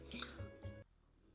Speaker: That was my stomach. Did you hear that? Hopefully the mic didn't pick it up.